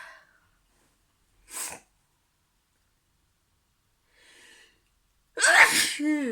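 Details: Person interrupted while sneezing: a faint hiss, a short sharp sneeze, a soft breath, then a loud voiced sneeze burst, among repeated sneezes; ordinary sneezing.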